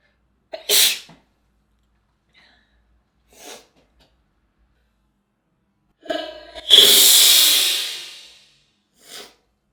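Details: Female sneezing twice, each a sharp inhaled catch followed by a loud hissing burst, with quiet breaths between; sneezing.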